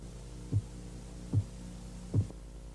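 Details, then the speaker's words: Faint, regular low tapping over a steady hum during blood pressure measurement: phase 1 Korotkoff sounds, starting with the first two regular beats and marking the accepted systolic reading. "El primer sonido que va a escuchar es un leve golpeteo que señala la fase Korotkov 1. La fase 1 comienza con los 2 primeros latidos regulares y es la medición sistólica aceptada."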